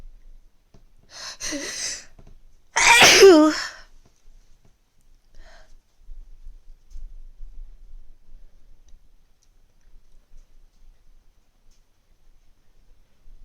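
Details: Two sneezes, each a short wind-up then a loud burst, followed by quiet, from an adult who feels a cold coming on for the first time in months; sneezing with a cold.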